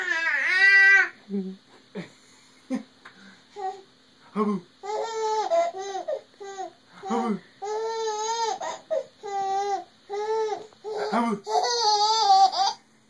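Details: A baby girl who got hiccups from laughing while playing with her father; fussing and babbling broken by short, sudden catches in the voice about every second: hiccups.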